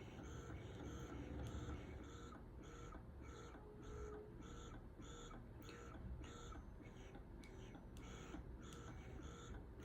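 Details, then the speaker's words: Unimom Opera dual-motor rechargeable breast pump running in its alternate feature: steady, rhythmic mechanical pulsing with a soft whine and faint clicks. "t you can also alternate it which is kind of cool i actually really love that alternate feature"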